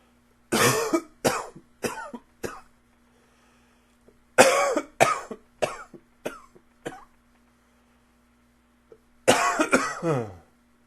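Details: Cough: three bouts of harsh repeated coughing, four to six coughs each, in a quiet room with a faint steady hum.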